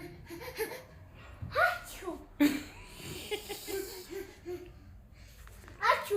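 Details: Young child asked to show how to sneeze makes a few playful pretend sneeze bursts between giggles; an imitated sneeze, not a real one.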